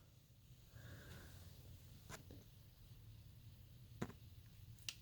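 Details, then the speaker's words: A cat with really bad current allergies sneezes two or three times, with brief, sharp little bursts in the background of a quiet room. "You can hear my cat sneezing in the background, I'm sorry. He's got really bad allergies right now."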